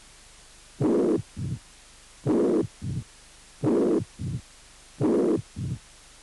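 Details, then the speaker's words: Mitral regurgitation with double murmur: long blowing systolic murmur and a shorter low diastolic rumble each cycle, slow heart rate. "insuficiencia mitral con soplos punk sistólica y retumbó diastólica"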